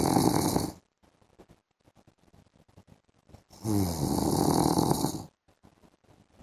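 Two long, loud, harsh rattling snores about three seconds apart, with faint clicks in the quiet gaps; heavy snoring in sleep.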